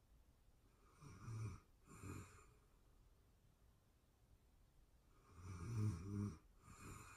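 Low, rattling snores in paired bursts, separated by quiet pauses, in a quiet room. Ordinary sleep snoring.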